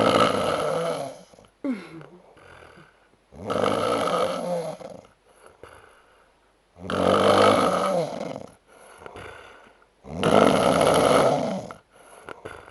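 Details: Snoring attributed to Oktoberfest drinking: loud, rough snores on each breath in, about 18 a minute, with quiet pauses between; ordinary snoring.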